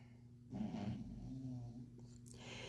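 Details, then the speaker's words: A sleeping dog gives a brief rough, snorting snore over a steady low room hum; snoring. "can you hear my dog snoring that's Rocco"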